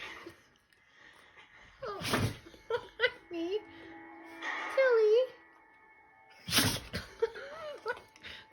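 Two sharp, explosive sneezes a few seconds apart, with talk and music in the background.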